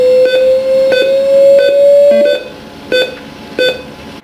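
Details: Long rising tone with repeated short beeps, then separate single beeps: alert tones of a Reanibex 500 monitor defibrillator in manual mode, shown in a device demonstration after an automatic-mode shock test.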